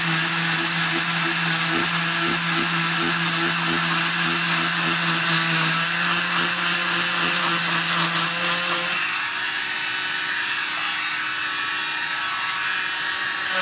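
Loud steady whine of an oscillating cast saw cutting through a cast, with grinding and buzzing, then the pitch changes as the saw runs freer.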